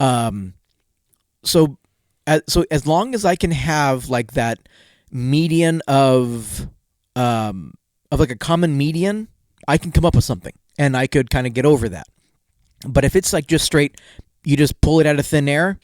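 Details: Stuttering in an adult male podcast co-host whose stutter comes out more in awkward situations, sometimes even when confident; unscripted conversation.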